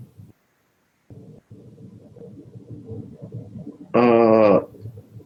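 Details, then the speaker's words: Adult herbalist imitating a croupy cough, likened to a saw going through a board: low, rasping, sawing sounds ending in a loud, harsh, strained voiced burst. "that's Spongia tosta in homeopathy. That's the Croup cough, croupy cough."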